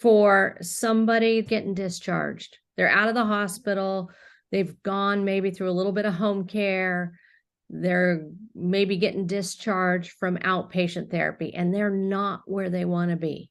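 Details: Adult woman speaking; normal speech.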